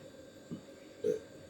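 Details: Two brief low belches, the second louder and more tonal, during a massage for cough with phlegm, pressing points to release wind; ordinary release of swallowed air, eructation.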